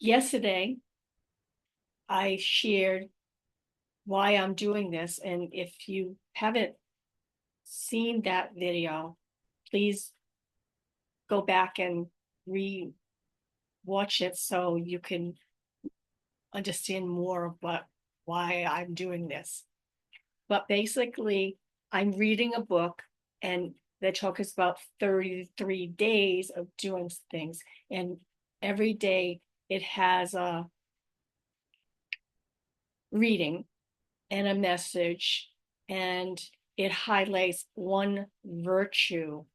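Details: Adult woman with aphasia, apraxia of speech and dysarthria following a stroke in May 2019, describing her own ongoing communication challenges; aphasia with apraxia of speech and dysarthria.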